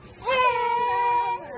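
One sustained, clear-pitched infant cry lasting about a second; an ordinary cry.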